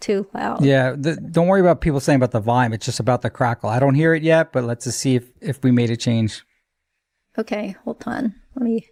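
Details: Adult male speakers, conversational; ordinary speech.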